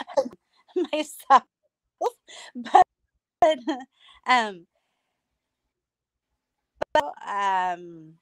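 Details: Aphasia in an adult female stroke survivor, about nine years after two hemorrhagic strokes caused by a carotid artery tear; she lost speech and relearned talking with a speech pathologist using singing.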